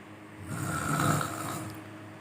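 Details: A single loud, low rattling snore lasting about a second; snoring.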